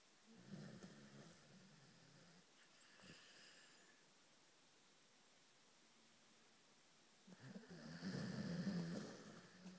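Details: Sleeping Greyhound snoring like a human: soft rumbling snores on each breath, two in ten seconds, with a quiet pause between them.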